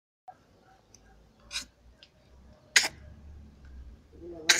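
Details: Dry cough from a puppy (dog named in caption): three short, sharp, small bursts separated by quiet gaps with faint room noise.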